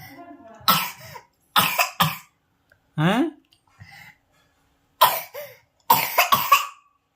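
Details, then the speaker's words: Feigned cough: a girl gives a string of short, forced dry coughs mixed with a brief sung-like vocal sound when told to study. "देखो दोस्तों इसकी खांसी शुरू हो गई है इधर देखो हेलो खांसी ए रही है लगता है"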